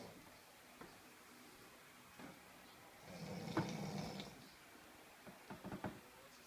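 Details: A single low, buzzing, rattly snore on one breath, with a few soft clicks and quiet room noise around it: snoring.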